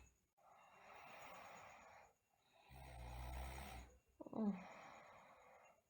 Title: Sleeping Girl Snoring & Bruxism